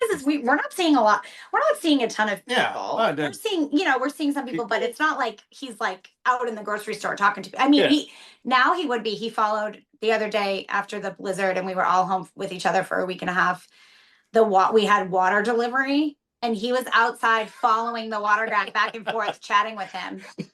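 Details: Adult woman speaking; Normal speech.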